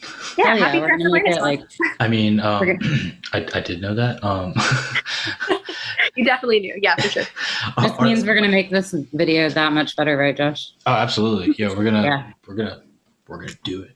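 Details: Adults in casual conversation; no speech disorder.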